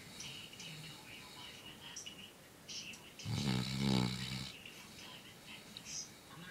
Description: My 8 month old black lab Blackie catching some z's